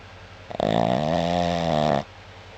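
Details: Dog snoring: one long, loud, droning snore lasting about a second and a half, with a steady buzzing tone. Snoring.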